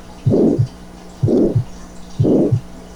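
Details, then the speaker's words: Aortic stenosis heard with first heart sound, opening click masked by a rhomboid (crescendo-decrescendo) murmur ending at the second heart sound, prolonged isovolumetric contraction phase, clean diastole; aortic stenosis murmur. "aquí está el chasquido de apertura que está enmascarado por el soplo y el soplo romboidal"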